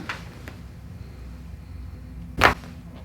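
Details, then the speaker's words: Single sharp neck joint cavitation pop during a chiropractic adjustment of a 27-year-old man with self-diagnosed trigeminal neuralgia and neck pain. He habitually cracks his own neck, and x-rays show high neck curve reversal and atlas wear. "The reason why that popped before us is because he's a self-adjuster, and so he cracks his own neck too much, and that loosens up the area around it, makes it di"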